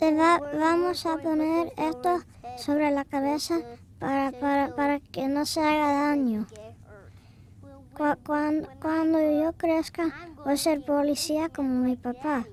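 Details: Young child speaking Spanish; childhood stuttering.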